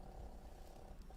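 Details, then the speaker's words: A low, steady, rattling rumble from a sleeping dog in the background, a fragment of snoring. "sorry my dog huh that's funny i can hear it snoring"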